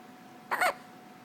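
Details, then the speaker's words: Infant with hiccups: a single short, sharp voiced catch against a quiet background, an ordinary hiccup. "got the hiccups? You got the good hiccups."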